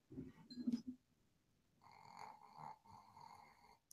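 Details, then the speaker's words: Pet dog asleep behind podcast host, twitching as if dreaming: low rumbling snore, pause, then thin whistling nasal snoring sounds in a quiet room. "Do one of you have a snoring dog? I do. Behind you? Can you hear her? She's going."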